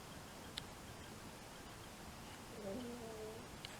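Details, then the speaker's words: A quiet room, then a low, wavering, gurgling rumble with faint clicks: a person's stomach growling from hunger. "Ooh. Did you hear that? That was my stomach. I'm telling you, dude, I'm hungry."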